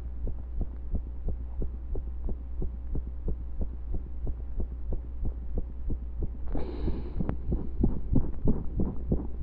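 Rapid heartbeat with uneven spacing and occasional pauses that sound like skipped beats, with a burst of rubbing noise partway through.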